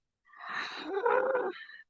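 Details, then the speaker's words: Stomach rumbling after eating a very large meal: a brief gurgling growl with a rising squeaky tone. "having problems so anyway this bird oh my God my stomach is acting uh I got issues"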